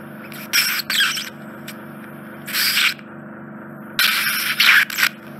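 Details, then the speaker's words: Endoscopic ear suction in an adult man's narrow, infected right ear canal: bursts of harsh hissing, paper-like crackling over a steady low motor hum as dead skin and debris are vacuumed out. "I'm just bending over all the sound they're not the most soothing are they no much truth about people set back it sounds like five paper crackling"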